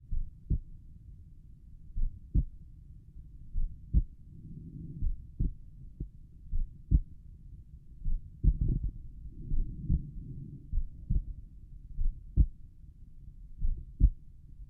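Clear regular lub-dub heart sounds, about 80 beats a minute, with soft rubbing noise between; normal heart sounds over the pulmonic valve area.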